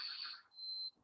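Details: Child with habit cough (functional respiratory disorder) in a home video while playing, coughing at least once a minute.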